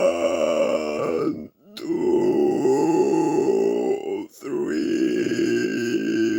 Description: I tried to count by burping. I counted till 10. Then almost puked.